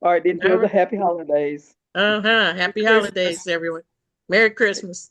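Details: Adult speaker; normal voice.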